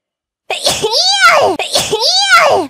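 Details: Sneezing during a live stream: two identical high-pitched, voiced, sing-song sneeze-like bursts in a row, most likely playful or imitated.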